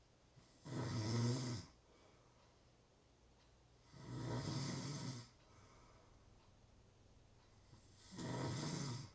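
Three rough, rattling snores on inhalation, about 17 breaths a minute, with quiet pauses between; ordinary sleep snoring.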